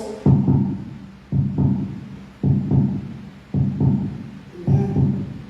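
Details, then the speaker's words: Regular, paired low thumps at about 55 beats a minute: a normal heartbeat, played during a sermon. "tingin kayo ang normal na tibok ng puso"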